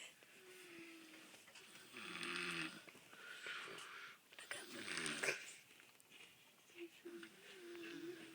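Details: Person snoring in sleep: slow, rough, noisy breaths with a rattling, snorting quality, about 22 a minute, over faint room noise.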